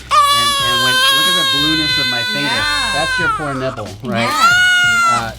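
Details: Newborn boy at first pediatric visit, crying after an oral suck/latch exam (strong suck, minimal tongue-tie, feeding latch difficulty): loud, sustained, high-pitched cry in long bursts with brief breath pauses; vigorous cry.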